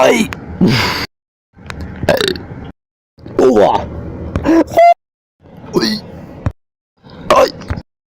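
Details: Several long, croaking voiced burps with silences between, some rising in tone at the end; deliberate loud burping.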